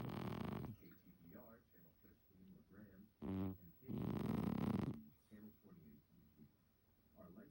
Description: Nickie the cat dreaming and snoring she’s so funny